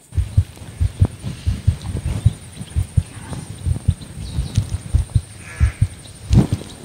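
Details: Heart sounds of a female border collie born November 2014, recorded while she is being told to lie still: steady soft paired low thumps with light rustling and a brief bump; normal heart sounds.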